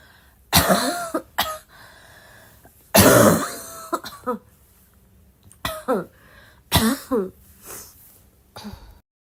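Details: Girl coughing.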